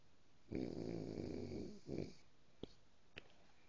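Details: Snoring sounds from a sleeping person.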